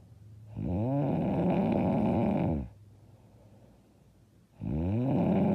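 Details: Loud, hard snoring during sleep: two long, loud, rough snores with a quiet pause between.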